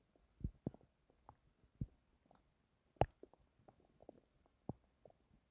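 Quiet, irregular gurgles, pops and squelches from the belly in a silent room. Ordinary bowel sounds.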